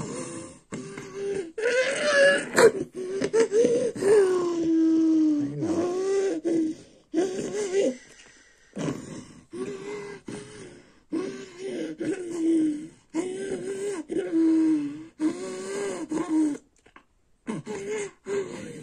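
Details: Rhythmic moaning and grunting cries in repeated bursts with breaths between during a seizure in a girl on bedtime clonazepam, as a caregiver soothes her ("it's okay, sweetie") at bedtime; seizure vocalizations.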